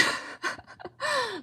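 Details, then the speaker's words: Lecturer imitates a wheeze in a respiratory disease class: breathy gasps, then a high-pitched whistling breath falling in pitch, caused by a restricted airway and common in asthma. "that sounds kind of funny but it's like that high-pitched kind of like and that is what's being caused from like a restricted Airway"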